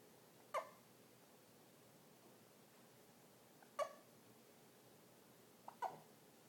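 Three brief, sharp hiccup sounds a few seconds apart against a quiet background, typical of hiccups.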